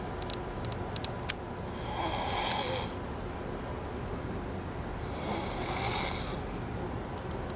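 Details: Snoring during sleep: two slow, rasping in-breaths about three seconds apart over a steady background hum; ordinary snoring.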